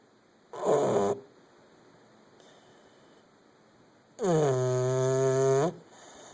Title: Sir snores a lot